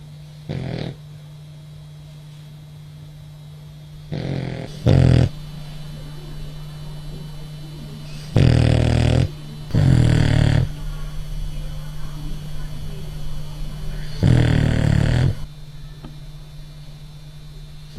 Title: Bulldog of the French,so Cute,Snoring